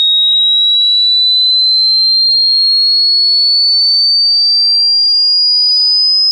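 A pure steady tone glides smoothly upward in pitch from very low to very high, a frequency sweep used to test the range of hearing.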